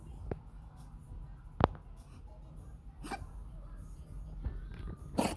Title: Cat coughing